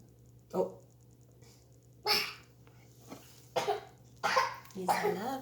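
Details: Baby boy with a little cough, treated with honey and garlic, gives several short, soft coughs, irregularly spaced, with faint voiced sounds between them; cough.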